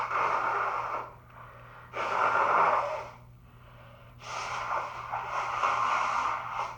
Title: Buildups and big powerful cold sneezes